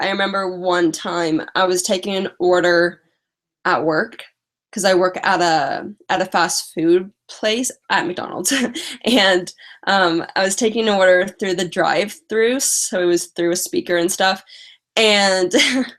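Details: Adult female with lifelong stutter, previously in speech therapy, mostly blocks, especially on vowel-initial words and more on 't' and 'c' words; currently has a cold and is tired; stuttering.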